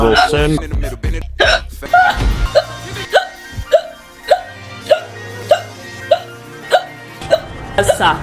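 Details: Sharp, repeated ordinary hiccups about every half second, heard over music and talk.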